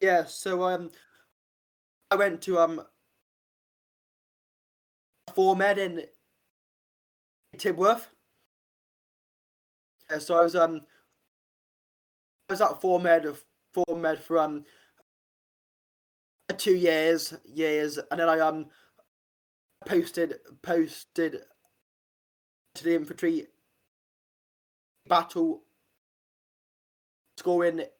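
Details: Adult man with a real stammer since age five, which he says worsens under stress; stuttering (stammering).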